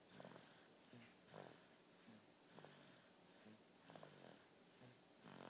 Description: My son snoring @ 3 months old.